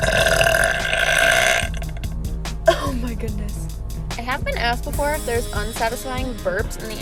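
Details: Girl deliberately belching in a parked car: several voiced belches, some drawn out, over background music. Burping.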